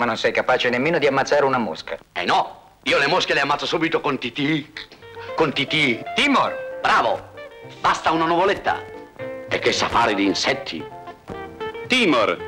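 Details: Acted stuttering portrayed for comic effect by a comedian playing a boastful hunter in a 1965 Italian advertisement.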